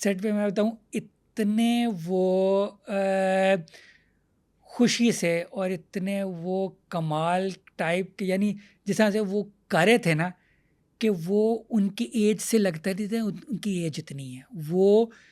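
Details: Stuttering in an adult male comedian who has stammered since childhood.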